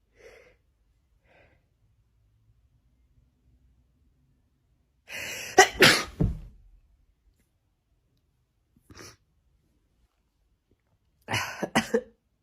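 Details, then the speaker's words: Soft breaths, then a burst of three quick sneezes, a sniff and two more sneezes, from a person who says they are sick, very unwell and run down. "Oh, I'm gonna sneeze. I think I'm emotional because I'm run down and I'm sick."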